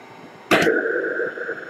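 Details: Philips Cough Assist T70 mechanical insufflation-exsufflation device: a sharp click as it switches on, then a steady whirring blower hum in automatic mode, waiting for the next breath.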